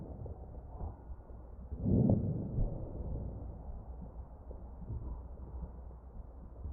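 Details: Real ventilated patient's chest: crackles.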